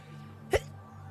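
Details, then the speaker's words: An adult streamer sneezes once during a live game-development stream: a single short, explosive burst of air against a steady low background hum. "excuse me I sneezed"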